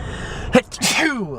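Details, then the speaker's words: A person in a repeated sneezing fit while filming: a sharp intake, then a loud voiced sneeze with a trailing vocal tail; an ordinary sneeze. "Oh, I'm trying to film a time lapse of me writing and I will not stop sneezing."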